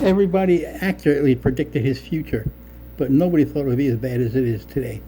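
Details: Adult male speaker; normal fluent speech.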